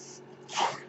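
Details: A brief, soft whoosh of air that rises and fades in under a second, the breath of a podcast host's mechanical ventilator.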